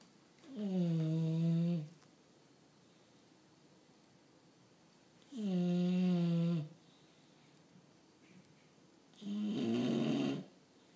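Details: Bulldog snoring: three long, loud, droning snores about four seconds apart, roughly 14 breaths a minute, with quiet pauses between.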